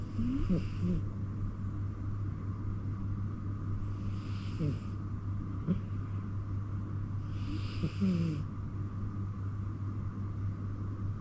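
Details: Cat sleeping in an owner's bedroom snoring softly and rhythmically, three breaths about 3.5 seconds apart over a steady low background hum.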